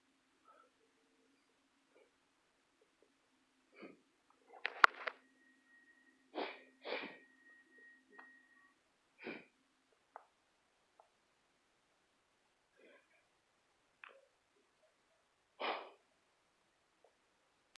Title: Failed sneeze attempt _read description-